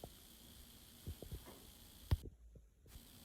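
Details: Normal heart sounds in an adult, auscultated by stethoscope at the aortic focus, second right intercostal space at the sternal border: faint low thumps of the heartbeat.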